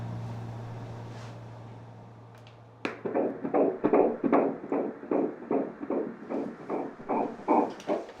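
Rapid, regular whooshing fetal heartbeat on Doppler, about 150 beats a minute, within the normal range.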